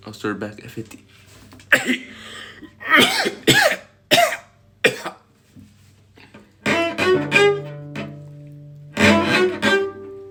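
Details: Coughing fit of unknown cause while playing cello: a run of sharp, harsh coughs in short bursts, with cello notes sounding around them.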